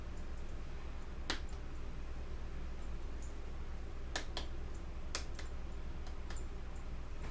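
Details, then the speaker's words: Nurse's respiratory assessment of an adult woman: light, sharp percussion taps over each lung lobe on the back of the chest, giving a normal resonant note. "and basically what i'm checking is is the resonance the resonance and i'm checking the vibration to make sure you have it accurate of air"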